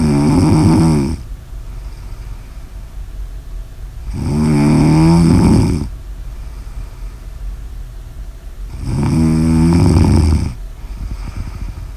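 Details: Ordinary snoring: loud, rattling snores on the in-breath, about 13 a minute, with quiet breathing between.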